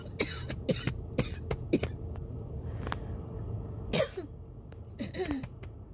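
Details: Coughing fit from a throat tickle with shortness of breath, recorded in a car; a run of short, dry coughs with gasping breaths over car rumble, despite chest patting, water and an inhaler near the end.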